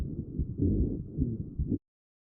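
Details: Rhonchi recorded on lung auscultation with the StethoMe electronic stethoscope and AI-classified: low-pitched, rumbling, snoring-like continuous breath sounds from airway mucus, in both inspiration and expiration.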